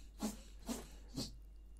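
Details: Three quick, faint sneezes in rapid succession from a young boy in the background of a quiet room.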